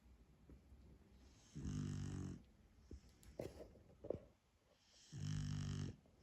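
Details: Beagle sleeping in a home office: two low, fluttering snores about three and a half seconds apart, roughly 17 a minute, with soft snuffles between; snoring.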